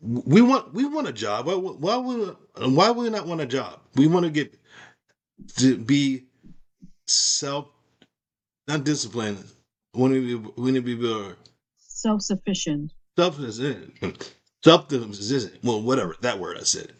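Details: Adult female with aphasia after a stroke; she reports trouble saying the right words and understanding speech, and finds typing and writing easier.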